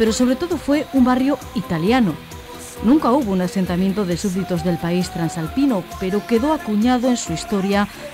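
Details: Adult news narrator; normal fluent speech.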